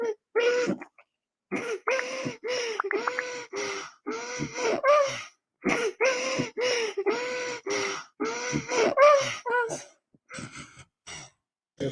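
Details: Post-ictal laboured breathing in a daughter turned onto her side after a seizure: deep, heavy, irregular gasping breaths with grunting and snorting as breathing stays difficult after the seizure ends.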